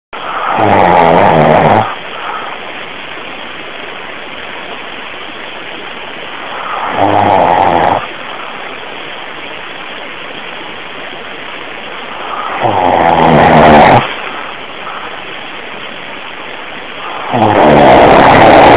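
Four rough, rumbling breath sounds about five seconds apart, roughly 12 a minute, over steady hiss: snoring.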